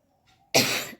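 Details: Adult woman with a slight cough, which she attributes to drinking cold water, and a changed voice: a single abrupt, harsh cough burst after a faint breath in; cough.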